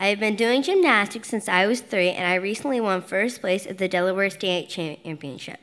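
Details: 10-year-old girl who stutters, receiving speech therapy at a stuttering institute, speaking publicly at a benefit gala; stuttering.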